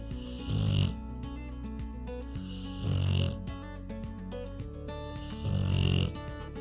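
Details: Rottweiler relaxing on a couch, recorded in real time while snoring continuously: three loud, low, rumbling snores about every two and a half seconds over steady background music; dog snoring.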